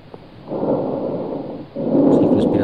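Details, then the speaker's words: Normal bronchial breath sounds auscultated with the stethoscope diaphragm over the manubrium: loud, hollow breath sounds with a brief millisecond pause between inspiration and expiration. "Diferente do som brônquico que se encontra a nível do manúbrio. Então você tem uma pequena pausa entre o ciclo inspiratório e o expiratório, de milissegundos."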